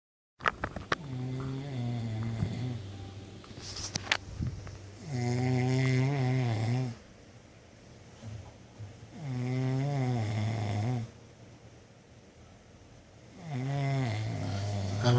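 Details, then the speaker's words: Loud, rattling snores about every four seconds during sleep, each a long drawn-in breath with quiet pauses between; snoring. "my god, you will not stop snoring."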